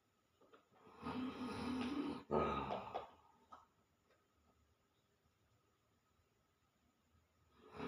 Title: Baru pulang dari kede langsung mendengkur #Nandemanurung #cerita #lucu